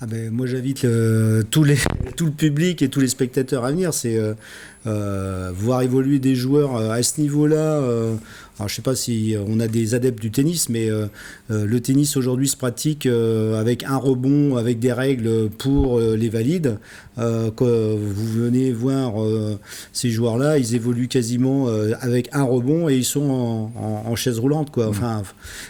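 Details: Adult man speaking French; ordinary speech.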